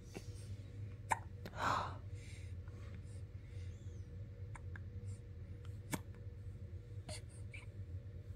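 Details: Infant waking up in the morning with hiccups: several sharp, brief clicks at irregular intervals over a low room hum, with one soft breathy sound.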